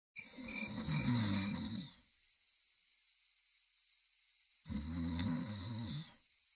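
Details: Snoring during sleep: two long, rattling snores a few seconds apart, with a steady high-pitched whine in the background.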